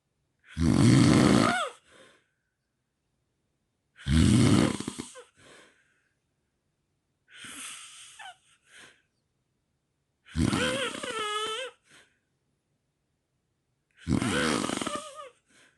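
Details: Five loud, harsh snores with whistling, wavering tones, about 18 a minute, each followed by a brief snort, from four nights of snoring recordings; loud habitual snoring.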